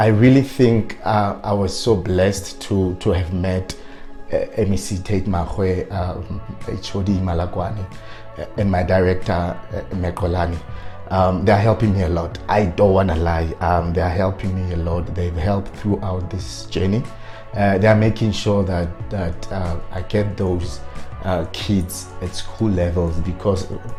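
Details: Adult man with stuttering who self-coached to work on his fluency but still stutters on certain words; stuttering.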